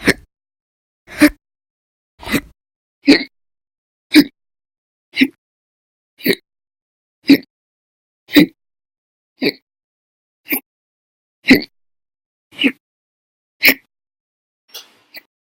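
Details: Sharp, brief gulping hiccups, about fourteen in fifteen seconds, steady, from a person with persistent, violent hiccup bouts lasting hours at a time over November 1–20, 2019.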